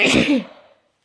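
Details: Single sharp, explosive adult sneeze with a brief voiced tail during a bad cold, with sneezes recurring every 10 to 20 minutes.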